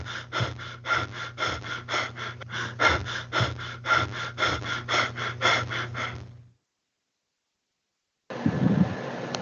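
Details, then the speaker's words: Rapid, irregular breaths of uneven depth, then an abrupt apneic pause, played in a student presentation on respiratory regulation. It is attributed to brain injury inhibiting the respiratory centre until high blood CO2 restarts it; Biot's respiration. "Y este estímulo serán los fuertes niveles de dióxido de carbono en sangre. Y así es como suena."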